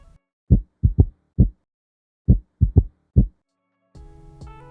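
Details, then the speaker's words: Teaching example of a third heart sound: low-pitched, dull heart sounds in a three-beat gallop rhythm, S3 occurring in early diastole just after S2; S3 gallop. "the third heart sound occurs in early Dias just after S2 and is a low pitch sound and is frequently described as"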